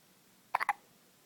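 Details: Girl with bad hiccups, recorded by a babysitter: three quick, sharp hiccup-like catches in close succession in a quiet room.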